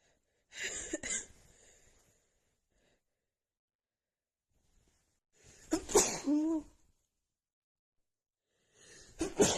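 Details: Female, deliberately sneezing on request into a handkerchief, describing the sneezes as really tickly and strong: three loud, sharp sneezes with quiet gaps, slightly muffled by the hanky.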